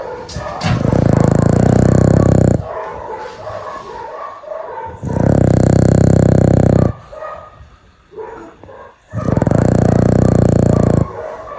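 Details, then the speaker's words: Pet dog snoring while asleep: loud, deep, vibrating snores, each about two seconds long, with pauses between them. "今天给你们听一下丫头的呼噜声，接下来我就什么话都不说了，你们只需要静静听她打呼噜的声音。"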